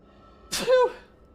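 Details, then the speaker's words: Streamer sneezing repeatedly during a live stream, joking about being allergic: one sharp sneeze with a quick indrawn catch, then an explosive burst and short voiced tail in a quiet room. "oh incoming sneeze [Music] oh my God that might be this last that might be the last sneeze I might have enough sneezes for the compilation"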